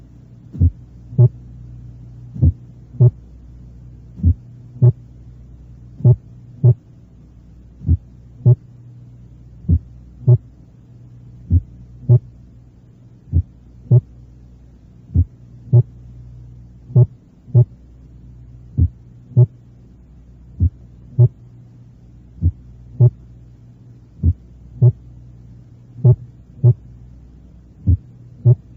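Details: Teaching heart auscultation recording on the first heart sound: complete heart block with a variable first heart sound.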